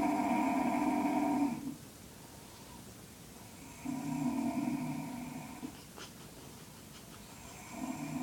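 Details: Elderly grandfather asleep, making unusual snoring noises likened to a car engine: loud, buzzy, rumbling snores on each breath with quiet pauses between them, an unusually harsh snore.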